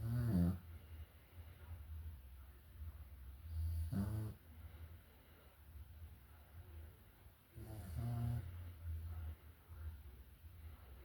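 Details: Three loud, low rattling snores roughly every four seconds, soft breathing between, about 15 breaths a minute, from a sleeping dog named Mel; snoring.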